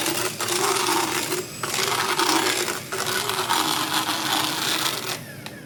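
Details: Horse about 10–12 years old, equine dental power float filing the lingual hook on the last molar during routine dental work: motorized grinding and rasping in short bursts with brief pauses.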